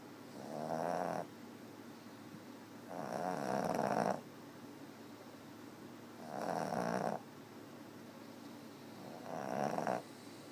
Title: 8/18/2013 snoring 1